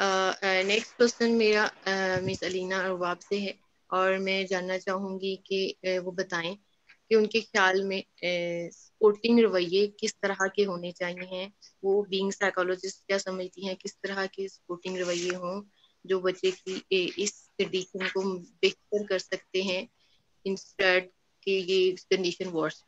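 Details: Adult woman speaking Hindi; fluent speech.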